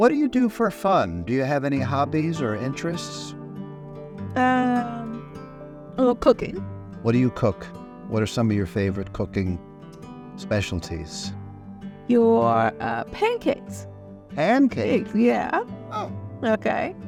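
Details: Adult interviewer in conversation; normal speech.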